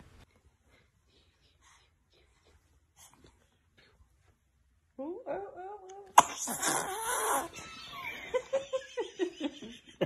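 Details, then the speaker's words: Newborn baby described as a dramatic sneezer: quiet, then a small voice and a sudden sharp sneeze, followed by adult laughter and talk. "hey baby is a dramatic sneezer"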